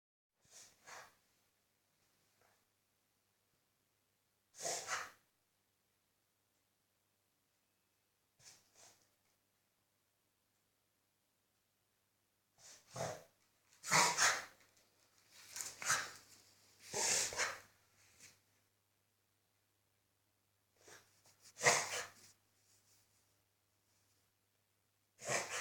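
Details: Beagle reverse sneezing: harsh, noisy snorting inhalations in bursts, with a quicker cluster in the middle.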